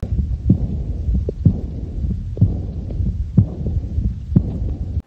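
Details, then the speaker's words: Aortic regurgitation murmur, where a leaky aortic valve lets blood flow backward: regular heartbeat near 62 per minute with a continuous soft rushing sound between beats. "aortic regurgitation murmur the aortic Vibe doesn't close properly allowing blood to leak back"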